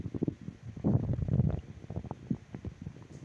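Low gurgling, bubbling rumbles in irregular bursts: ordinary stomach growling from gas and fluid moving through the gut.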